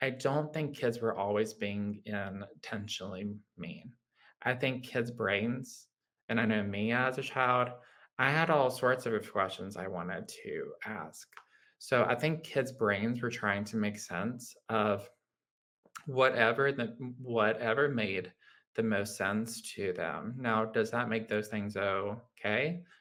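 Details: Adult man with lifelong childhood apraxia of speech, a neurological motor speech disorder affecting motor planning, rate and fluency: childhood apraxia of speech.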